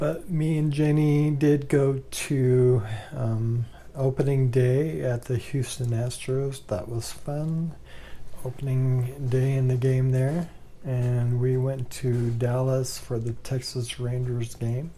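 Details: Man with ALS, 2 years 3 months since diagnosis, says talking is getting rougher and he can't project his voice as much; dysarthria (ALS).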